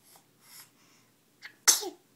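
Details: Baby girl aged 9 weeks and 4 days, happy in the morning: a few soft breaths, then a single sharp, high sneeze burst; sneeze.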